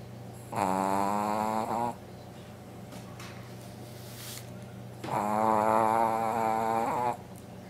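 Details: Sleeping Brussels Griffon dog snoring: two loud, drawn-out, whistling snores of one to two seconds each, with quiet breathing between.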